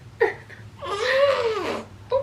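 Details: Newborn baby boy crying; the mother was 37 weeks pregnant before labor. A brief, soft cry, one rising and falling wail with small fussy sounds around it; a normal newborn cry.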